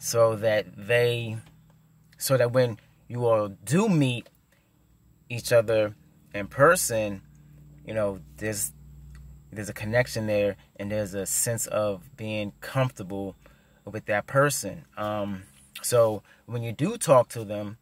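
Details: Stuttering in an adult man who stutters.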